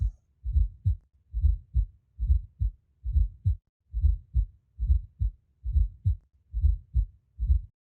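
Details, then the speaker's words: Teaching audio of an S4 heart sound: regular heartbeat about 69 a minute with an extra soft low sound just before S1, much closer to S1 than to S2. "remember the s4 component will be much closer to s1 than it is to s2"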